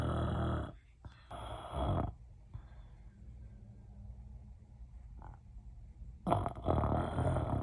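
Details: Loud, coarse snores in bursts separated by quiet pauses, with a low rattling quality; snoring.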